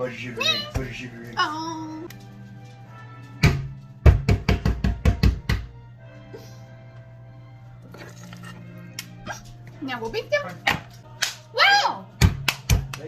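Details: Involuntary vocal tics in an adult woman with Tourette syndrome, which causes involuntary movements and sounds; real, recorded while baking.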